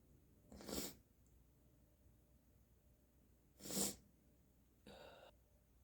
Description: I love experimenting with different lighting conditions for my sneezes. You get a really nice look at the spray and snot and how it all moves with each increasingly congested sneeze.